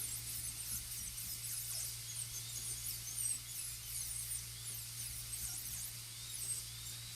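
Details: Steady, piercing whine of a high-speed dental drill, squealing as it cuts over a low hum, during occlusal reduction and groove shaping for a full gold crown preparation on tooth 30.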